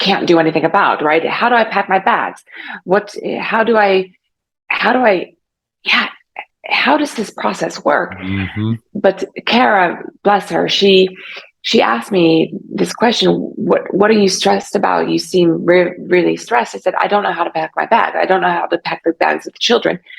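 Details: Aphasia in an adult woman about 3.5 years after a stroke caused by carotid artery dissection; aphasia was severe early on, persists, and she is still in speech therapy.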